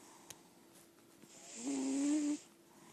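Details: Senior lilac point Siamese cat, sleeping: one drawn-out, buzzing, slightly whistling snore on an in-breath against quiet room noise; snoring.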